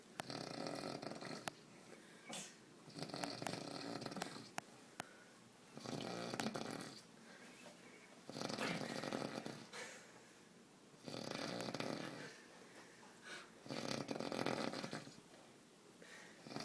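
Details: Someone snoring in Tallinn: harsh, noisy breaths every two to three seconds, about 25 a minute, with quieter gaps in a small room; steady snoring.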